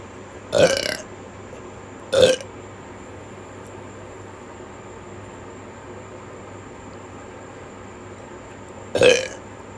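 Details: Person with hiccups and burps gives three loud, throaty belches at irregular intervals over about ten seconds; burping.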